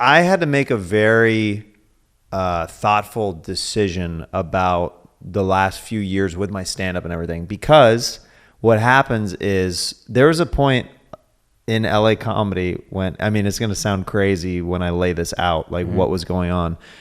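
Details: Adult male speaker; normal conversational speech.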